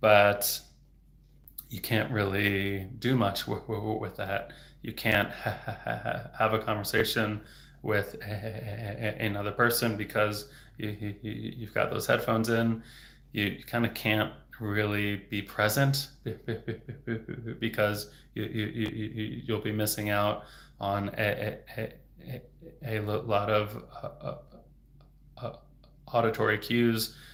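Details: Adult male speech-language pathologist who stutters, speaking openly in a livestream on stuttering: stuttering.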